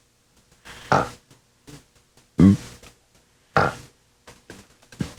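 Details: Male laryngectomee using esophageal speech with air injection: a soft thump is heard as he swallows air into the esophagus, followed by an esophageal 'ah'.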